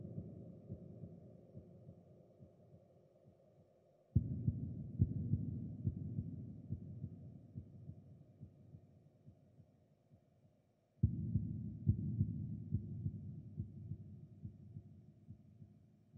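Muffled, dull low thumps at about 70 a minute under a deep hum; a sound-effect heartbeat.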